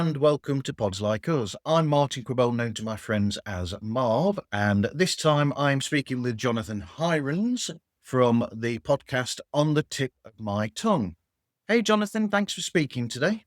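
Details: Adult male speaker; normal speech.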